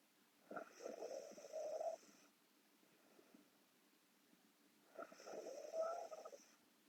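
Two rattling snores on breathing in, about four seconds apart, with quiet breaths between.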